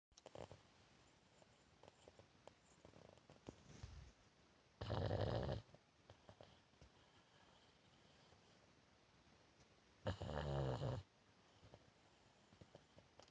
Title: Funny dog snoring and dreaming